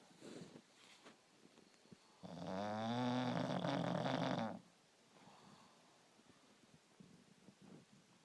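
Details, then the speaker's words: Bulldog snoring after time in fresh air: a single long, loud, vibrating snore of about two seconds amid soft snuffling and breathing. "Oh, you had to throw in one more snore while he was awake."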